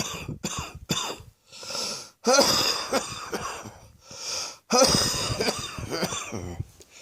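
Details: Close-up recording of own chest: repeated wet, rattling coughs in an uncontrollable fit separated by wheezy, noisy in-breaths; wet cough.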